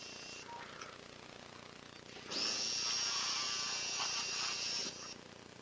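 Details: Right shoulder arthroscopy, rotator cuff repair and biceps procedure: a high, steady motor whine starts, runs about two and a half seconds and stops, the arthroscopic shaver burr running after levelling the bone so the cuff is no longer pinched.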